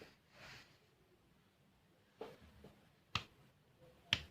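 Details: Nursing practical demonstration of physical examination on an adult male patient: normal percussion over the kidney at the costovertebral angle.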